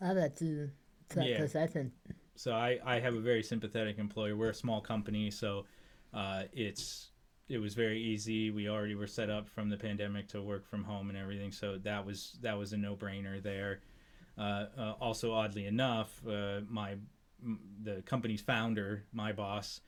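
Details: Adult man speaking; ordinary speech.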